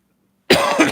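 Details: Persistent cough in an adult still getting over COVID, who reports feeling lethargic, unwell and low on energy.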